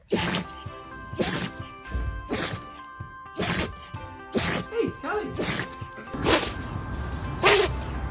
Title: The dog can’t stop sneezing 😂#happy #funny #pets #pets #interesting #animals #usa